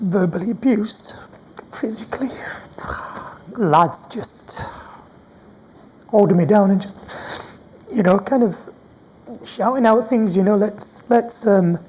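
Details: Stuttering in an adult man who has had a stammer since his school years.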